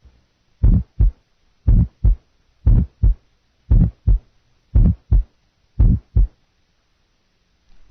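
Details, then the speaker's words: Heart murmurs of high, medium and low frequency, heard equally well with either the stethoscope bell or diaphragm, on a teaching recording of heart sounds. "listen now to murmurs that are considered high medium and low in frequency heard equally well with either bell or diaphragm"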